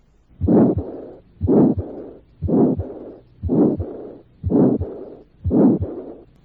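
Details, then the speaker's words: Recorded (Merck) auscultation at the second right intercostal space: moderate aortic stenosis with moderate aortic regurgitation, second sound faint or absent; harsh systolic murmur then softer blowing diastolic murmur, about 58 beats a minute. "Existirá estenosis aórtica moderada e insuficiencia aórtica moderada con segundo ruido poco o nada audible en el segundo espacio intercostal derecho es más prominente el soplo"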